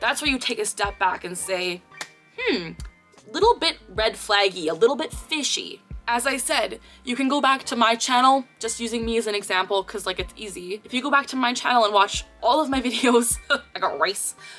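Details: Real Tourette syndrome vocal tic in a 24-year-old woman clinically diagnosed at age 12; her recurring phrase tic "I got rice" occurs in this segment.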